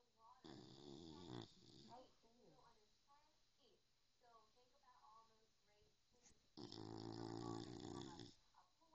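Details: Bulldog snoring during sleep while making funny faces: harsh, rumbling snores on inhalation with snuffling and whistly breaths between, loud snoring typical of a flat-faced dog.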